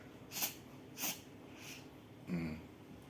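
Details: Cat with a cold (cough and cold due to lack of rest) gives three short hissing sneeze-snort bursts, then a brief low nasal grunt; sneezing and snorting from upper respiratory infection.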